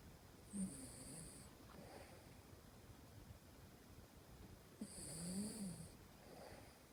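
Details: Ted, a sleeping puppy/dog, gives two slow, rattling snores with a whistly high tone on the in-breath over steady room hiss: ordinary snoring.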